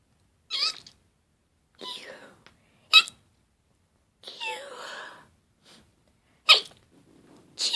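A run of about six sharp, breathy sneezes in quick succession with small gasps between them. A sneezing fit with a cold.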